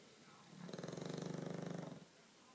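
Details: Snoring from a 7-month-old bulldog: one loud, rattling snore lasting about a second and a half, a rough buzzing on the breath.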